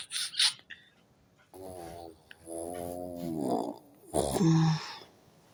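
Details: An adult woman's loud snoring, recorded on a phone's voice recorder in a hotel room while she sleeps; her husband likens it to a pig. Snoring.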